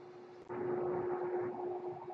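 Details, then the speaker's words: Speaker's own home mechanical ventilator heard while talking on a podcast: a steady mechanical hum with a surge of rushing airflow, the ventilator's operating noise. "That noise you're hearing is my ventilator, and welcome to Page Turners They Were Not, my Star Wars podcast."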